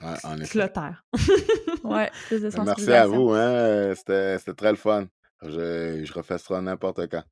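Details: Adult man who stutters, speaking French in a podcast interview; he is real, not acting, and is a spokesperson for a Quebec youth stuttering association. Finding: stuttering.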